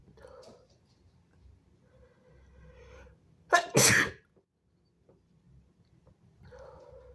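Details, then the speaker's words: A single sharp, forceful sneeze with a quick catch before it, amid quiet room sounds; an ordinary sneeze during a series of strong sneezes and nose blows. "Well, bless me. Well, well, well, I sprayed all over my phone. Ew. Ew."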